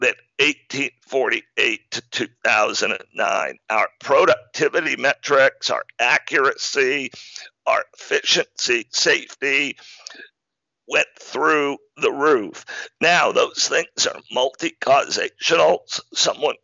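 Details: Adult man diagnosed in 2012 with spasmodic dysphonia, a rare neurological speaking disorder causing partial loss of voice; spasmodic dysphonia.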